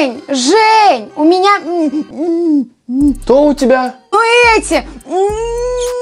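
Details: Acted stuttering by a girl in a comedy short.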